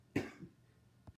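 A single sharp adult cough with a brief trailing catch, then a faint second burst in a quiet room.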